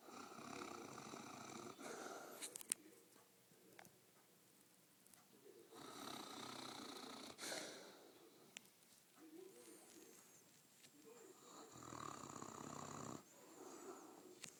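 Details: A sleeping Mastiff snoring: soft, rough snoring breaths at a regular pace in a noisy room.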